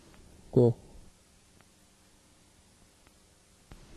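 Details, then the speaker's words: Simulated common high-frequency hearing loss in a CNA training word-recognition test: a single muffled spoken word with its crisp upper sounds stripped away. "ng to give you an unfair hearing test you will hear a list of 10 words that will simulate a common high frequency hearing loss write them in a column"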